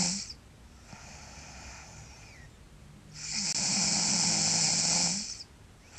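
Loud rasping snores with a tonal, whistling edge on breathing in, separated by quieter breaths out.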